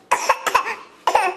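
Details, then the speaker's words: A child gives three short, forced cough bursts, a deliberately faked cough made in play while an adult jokes about sickness. "Uh-oh, your sickness is back. Uh-oh. Oh no. Sounds like a treacherous cough."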